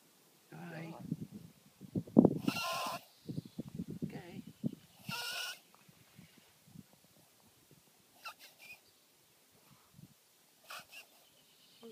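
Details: Dog with a breathing problem, not kennel cough and not reverse sneezing, makes harsh, noisy, rasping breaths: wheezing.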